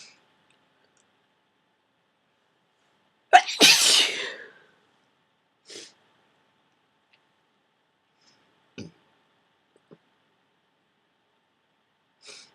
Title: Powerful Cold Sneezing